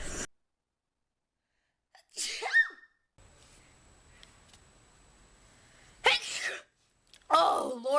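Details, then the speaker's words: Several sharp sneezes, one preceded by a catching inhale, in a quiet room, from a girl who says she is very sneezy and seems to be getting a cold; sneezing. "excuse me I'm going to sneeze I think"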